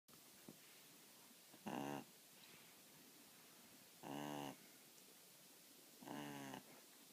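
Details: An 8-week-old puppy, fast asleep on its first day in a new home, gives three soft snores about two seconds apart, roughly 25 a minute, in a quiet room: snoring.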